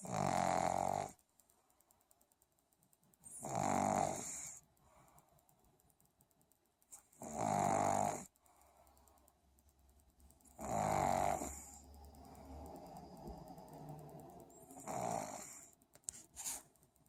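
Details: Sleeping pug snoring: loud rattling snores roughly every 3.5 seconds, about 17 a minute, with quiet gaps between.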